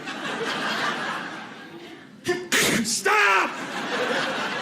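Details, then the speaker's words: Two sharp, forceful exaggerated sneezes over room chatter, likely comic imitation during a stand-up comedy routine about sneezing in public. "People are disgusting now, too. They can't stop sneezing. Two is normal. I'll give you a third. Four. Stay home. There's something wrong with you."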